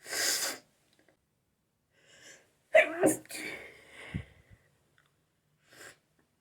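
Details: An adult has a sneezing fit after a shower: several forceful sneezes in quick succession, one with a voiced 'ah-choo', separated by brief quiet breaths.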